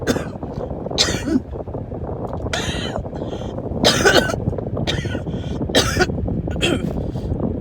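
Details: Adult in a car: run of about six harsh coughs over steady engine rumble, one of repeated fits making them drive less; coughing fit.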